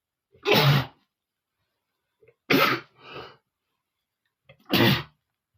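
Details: Male sneezing, said to be set off by flowers irritating his nose: three separate sharp, explosive sneezes, each with a brief catch of breath before it and a short vocal tail after the second.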